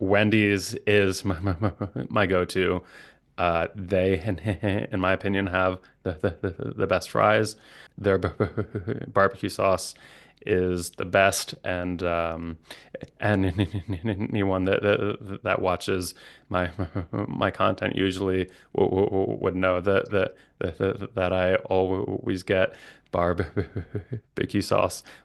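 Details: Stuttering with repetitions and blocks in an adult male speech-language pathologist who stutters.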